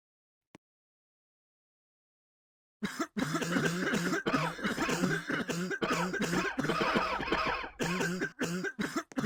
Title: cough*cough*cough*cough*cough*cough*cough*cough*cough*cough